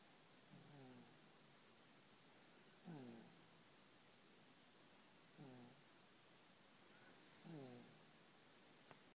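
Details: Sasha snoring in the middle of the night: four rough, buzzing snores at irregular intervals, roughly 28 a minute, with quiet breathing between them; snoring.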